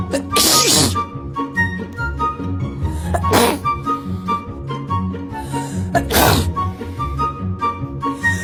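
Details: Three sharp sneezes over background music, from a short sneezing compilation; sneezing.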